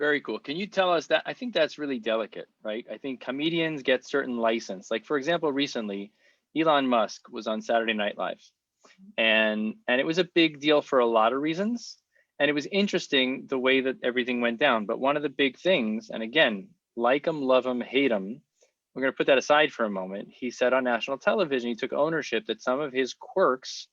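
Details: Adult male speaker, podcast conversation; ordinary conversational speech.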